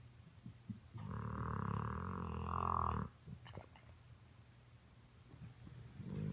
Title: Jack Cartoon snoring